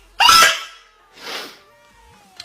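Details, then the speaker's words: A person doing makeup says they are about to sneeze, then a sharp, loud explosive burst followed by a softer second burst; sneeze. "Oh, I'm about to sneeze."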